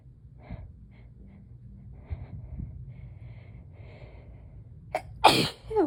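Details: Adult lying down trying to nap after work: quiet breathing, sharp intake, then a loud forceful sneeze with a following sniff; sneezing fit.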